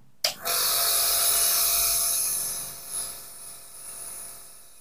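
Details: A steady high-pitched hiss and motor hum start abruptly and continue: a Medtech Handyneb Smart compressor nebulizer running with an adult mask, filled with water as a demonstration and producing mist.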